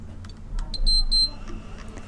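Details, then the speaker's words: Enteral feeding pump start signal: a few short high electronic beeps over quiet room hum after pressing start/stop, confirming the feed is running (run circle shown). "hear a beep and you'll see there's a run circle which indicates that the feed is going"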